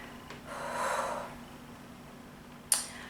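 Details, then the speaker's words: Young woman in the middle of a hiccup fit, while editing in a hot room: a soft breath in, then one sudden sharp catch of air, a single hiccup. "I'm going to edit the Vlog from yesterday after I finish editing my videos for my new YouTube Channel but I keep hiccuping and it's really distracting"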